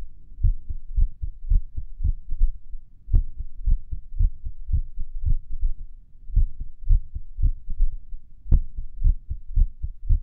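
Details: Own heart recorded at Erb's point while lying on the stomach and listening to favourite music: muffled heart sounds at about 113 a minute with uneven spacing and occasional louder knocks, an irregular heartbeat.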